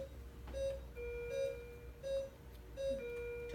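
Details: Two-tone electronic beeps repeating about 80 per minute over a low room hum. This is a ventilator alarm during anaesthesia induction. The patient had just been switched from manual ventilation to the ventilator, with tidal volume turned down to 200.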